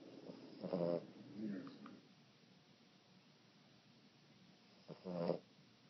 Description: Cute Boston Terrier Puppy Dog Snoring.